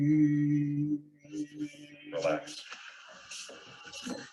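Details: Singer whose vocal folds do not fully close on a sustained 'e', stronger when the examiner brings the folds together and breathy when released; breathy voice from glottic insufficiency.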